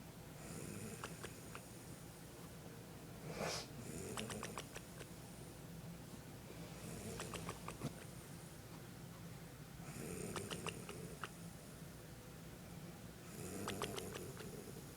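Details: An elderly woman (grandmother) snoring through the night: rough, rattling snores on each in-breath, roughly every three to four seconds, over quiet room noise; ordinary snoring.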